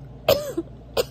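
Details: Two short, dry coughs from an adult who reports feeling flu-like and sick after eating, the first cough trailing into a brief voiced sound.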